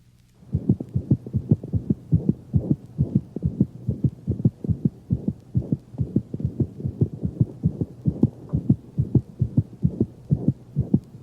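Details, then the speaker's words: Dog with anemia, loudest at the mitral position and rarely radiating: fast heartbeat with clear first and second sounds and a higher-frequency early-to-mid systolic murmur; anemic heart murmur. "the anemic murmur is loudest at the mitral position and unlike that of mitral insufficiency rarely radiates to other portions of the thorax"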